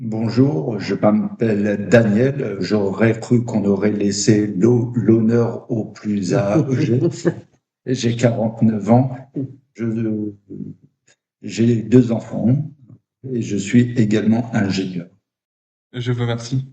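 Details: French-speaking adult who stutters. Stuttering.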